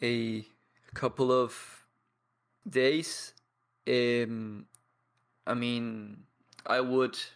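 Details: 22-year-old man from Paraguay who has stuttered for as long as he can remember, with blocks, and who practises daily with a community of people who stutter; stuttering.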